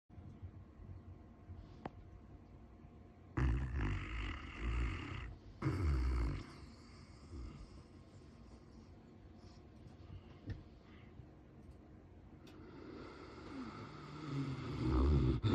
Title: So hard not to take a nap around these guys #nap #snoring #dog #dogs #funny #naptime #sleepy